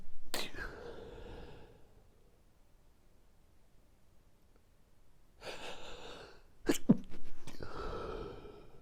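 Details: Late-night sneezing fit before sleep: a few breathy sneezes with sharp bursts and sighing breaths between them, in a quiet room.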